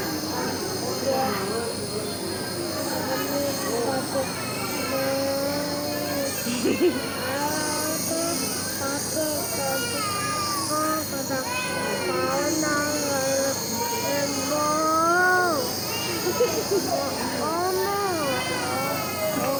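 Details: A nebulizer compressor gives a steady, high mechanical hum while a baby with a cold and cough is treated, with the child fussing and voices over it.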